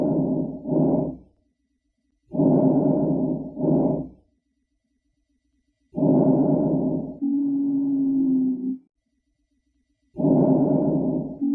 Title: Asthma Breath Sounds